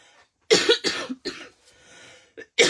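A quick run of about four sharp, harsh coughs in close succession from an adult woman, with a brief quiet breath between the bursts; an acute cough.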